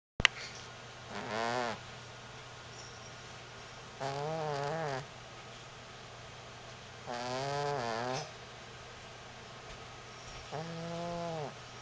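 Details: Sleeping cat: soft, whistly, wavering snores about every three seconds with quiet pauses between, about 19 breaths a minute; snoring.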